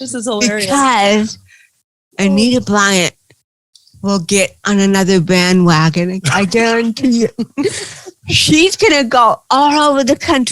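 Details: Adult woman comedian with cerebral palsy, real, speaking in an interview; dysarthria (cerebral palsy).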